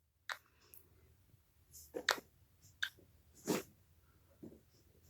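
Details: Hiccups: about six brief, sharp, irregularly spaced bursts over five seconds in a quiet room.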